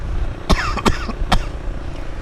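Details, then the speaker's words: Returning cough in an adult, recorded while riding on wet roads: three short, harsh, dry-sounding bursts in quick succession over vehicle noise. He links it partly to work and to breathing in fumes that day, which he thinks affected his chest. "guys as you can hear the [ __ ] coughs come back that is a little bit to do with work"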